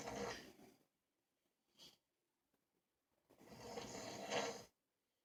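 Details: Two adult men, a father and his son, snoring at the same time during sleep.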